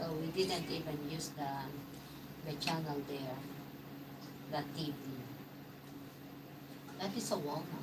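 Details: Man, 115 days into self-therapy for mild aphasia after a mild stroke; hesitations and sentence restarts; mild aphasia after stroke.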